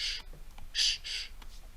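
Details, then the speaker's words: Vocal imitation of an aortic stenosis murmur after handgrip raises afterload, bringing left ventricular pressure to about 130 and reducing the transaortic gradient. It is heard as soft, breathy whooshes that are fainter than before. "so the gradient has reduced so you will hear the sound much more painter it will become like"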